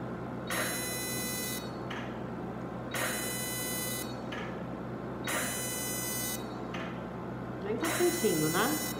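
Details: Fractional CO2 laser treatment for acne scars on the face, patient reports heat: repeated high buzzing bursts of about one second, each followed by a short gap, over room hum; CO2 laser firing.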